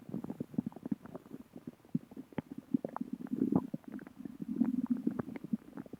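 Continuous low gurgling and bubbling rumbles with quick popping clicks: loud stomach growling, ordinary bowel sounds.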